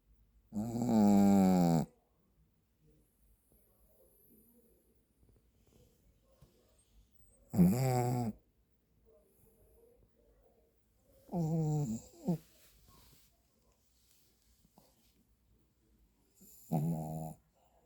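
Loud, rough, buzzing snores about every four to five seconds, separated by quiet breathing pauses: a sleeping dog snoring.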